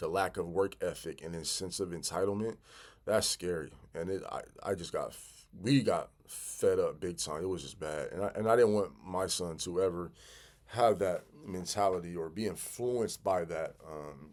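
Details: Stuttering in an adult man who has stuttered severely since childhood, with sound and word repetitions and fillers.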